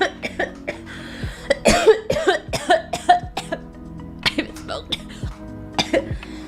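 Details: Female coughing after a bong hit: a run of harsh, repeated coughs with throat clearing, over background music.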